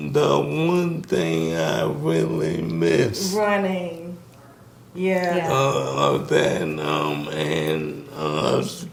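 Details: Man with ALS, diagnosed 2020, symptoms since 2017, onset affecting speech starting with a raspy voice; wife says he can speak but with a little delay; dysarthria (ALS).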